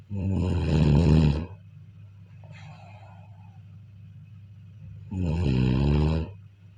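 Two loud, low, rattling snores on inhaling, separated by a quiet exhale with a soft breathy puff; ordinary snoring.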